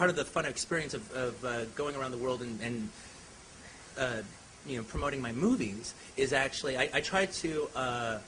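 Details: Adult man speaking spontaneously; normal speech.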